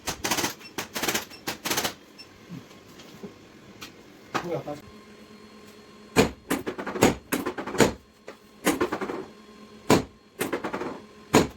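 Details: Repeated sharp cracking and popping bursts, some in quick clusters, over faint room hum, during chiropractic manual adjustment for body and back stiffness and pain; joint cavitation.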